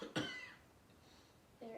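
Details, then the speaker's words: Single forceful voluntary cough from an adult demonstrating a deep-breathing and coughing exercise: breathe in through nose, out through mouth 2–3 times, then 3 forceful coughs without inhaling; a real cough, not throat clearing; lab skills training. "You're going to inhale through your nose, exhale through your mouth 2 or 3 times, and then let out 3 forceful coughs without taking a breath in between."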